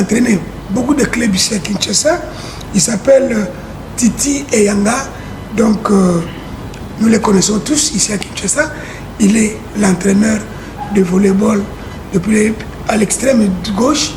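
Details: Adult speaker; Normal voice.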